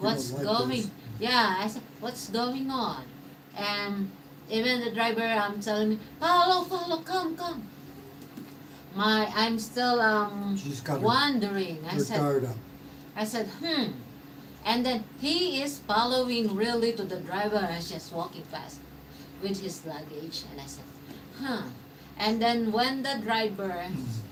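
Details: Man, 115 days into self-therapy for mild aphasia after a mild stroke; hesitations and sentence restarts; mild aphasia after stroke.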